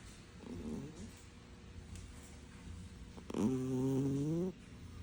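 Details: Cat snoring loudly in sleep: low rumbling breathing, then a faint droning snore and a louder, buzzing, rising snore near the end.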